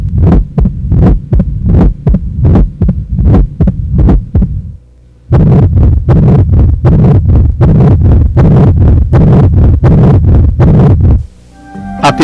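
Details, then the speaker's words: Heart murmur from a cardiac valve lesion, caused by turbulent flow: regular heartbeat around 79 a minute with a rough, filled-in sound around the beats. "pode-se encontrar ruim dos anormais que são chamados sopros os outros são vibrações decorrentes de alterações o fluxo seguro viscosidade e turbilhonamento que ocorrem principalmente nas regiões populares vamos ouvir agora os seus correspondentes as principais lesões das valvas cardíacas"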